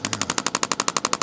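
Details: Radial shockwave therapy on a chiropractor's deltoid trigger point for shoulder pain, red tip, radial pulse mode. Rapid, evenly spaced sharp clicking pulses, about 12 per second, held right on the focal spot. Patient rates discomfort a little more than 6.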